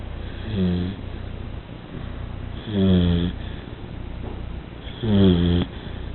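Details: Chili, sleeping, gives three loud, rattling, vibrating snores on breathing in, about 26 breaths a minute, with quiet breathing between them.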